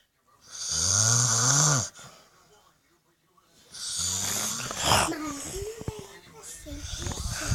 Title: My daddy sleeping and he is snoring